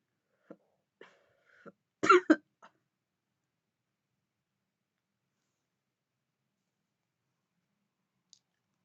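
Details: Woman vaping with deep puffs: a few small throat sounds, then two hard, harsh coughs close together, then quiet; irritant cough from inhaled vapor.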